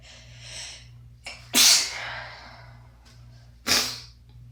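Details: Adult stifling sneezes: two sharp, partly held-back sneezes after a quick intake of breath, over steady room hum; from a variety of pinched, hands-free, failed and half-stifled sneezes.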